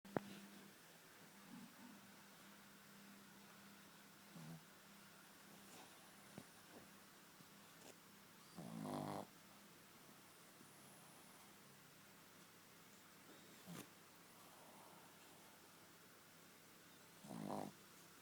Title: MY LIL OTIS ASLEEP & YES HE'S SNORING!!! THIS IS JUST HILARIOUS!!!!